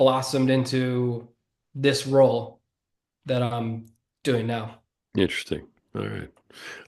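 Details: Adult man who has stuttered since childhood and says it is audible in his speech. Finding: stuttering.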